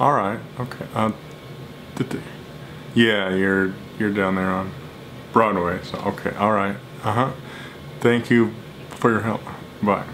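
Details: Stuttering in an adult speaking during a phone call to a jewelry store, after telling the clerk he has a speech problem; repeated fillers and silent blocks.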